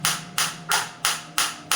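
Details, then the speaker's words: Focused (not radial) shockwave therapy device for plantar fasciitis and heel pain, just started and held against the demonstrator's hand as intensity is gradually raised: sharp, regular snapping pulses about three per second, each a bright crack. "तो जैसे ही मैं इस पर click करूंगा आप देख सकते हैं मैंने क्लिक किया ये स्टार्ट हो गया।"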